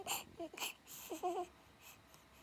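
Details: Five-day-old newborn girl giving short, high-pitched, fussy cries and whimpers; ordinary newborn cry.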